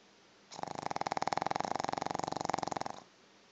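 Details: Sleeping pug dog snoring: a fast, buzzing, fluttering snore lasting about two and a half seconds, typical of flat-faced dog sleep breathing.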